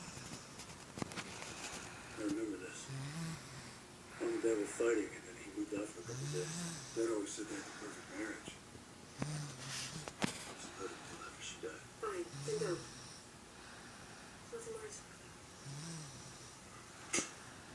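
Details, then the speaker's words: Young son asleep at about 1:20 a.m. making loud, irregular, squeaky, tonal snoring noises in a quiet bedroom. "yeah that is giancarlo right there snoring he makes a loud is noise really loud he sounds like daddy"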